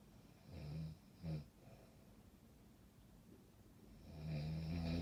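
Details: A few low, soft snoring breaths against steady room noise; snoring.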